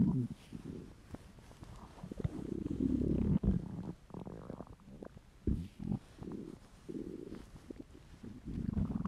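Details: Male, hungry: long, irregular low gurgles and rumbling with occasional pops; borborygmi, ordinary hunger stomach growling.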